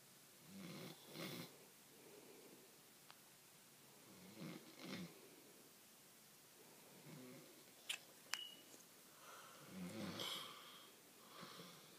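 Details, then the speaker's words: Sleeping adult man, a father who claims he doesn't snore: quiet, faint snoring breaths recurring every few seconds, about 20 a minute, with soft room noise. "Yes, it does snore, right? So, Dad, if you're seeing this, you snore, okay?"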